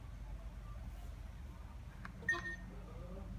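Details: A single short electronic beep over quiet room hum: the keypad tone of an MKR IP-05 infusion pump as a menu button is pressed during a setup demonstration.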